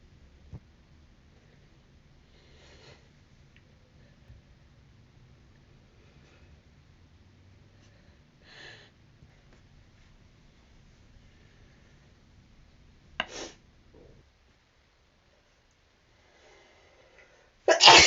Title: Gotta sneeze.....